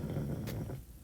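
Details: Pug snoring in background: low, rough, rumbling snore from a small flat-faced dog, fading out over about a second.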